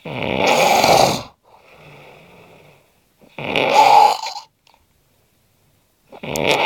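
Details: Heavy snoring in a sleeping man known for loud, varied, animal-like snores: loud, rough snoring on inhalation with a quieter breath out between, about 20 breaths a minute.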